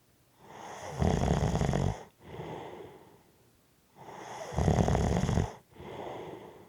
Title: Heavy Breathing and Snoring